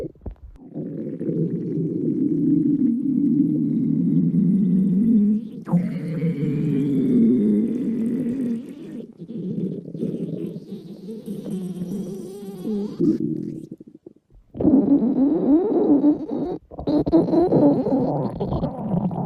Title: Records Her Loud Hungry Stomach Growl #68